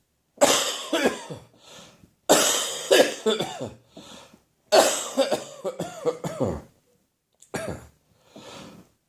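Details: Adult's morning productive cough during recovery, with catarrh running down into the chest: about four clusters of harsh, loose, wet coughing, several coughs each.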